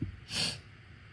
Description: i kept getting this tickle in my left nostril that wasn’t enough to sneeze, so i thought i’d do some inducing to see the result / can you tell when i switched to my left nostril ?